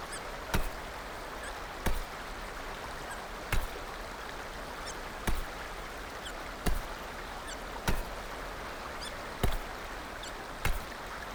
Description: A video of just her hiccups...